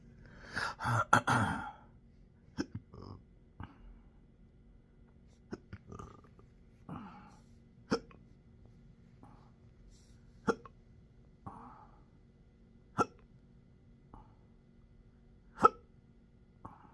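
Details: Intractable hiccups with belching, choking spasms and developing achalasia since December 2015, now 12-hour episodes seven days a week: a burst of noise, then sharp regular hiccups every one to two seconds, roughly 40 a minute.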